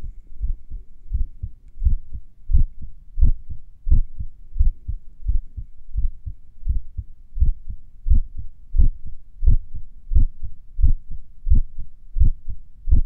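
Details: Heartbeat recorded a few minutes after morning exercise: clear lub-dub sounds at about 88 per minute with gently uneven pauses, sinus arrhythmia during recovery.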